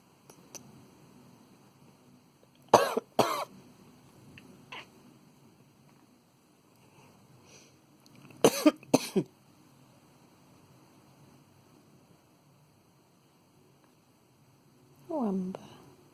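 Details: A cat gives two bursts of harsh, paired coughs separated by quiet room noise, then a brief meow: a cat cough.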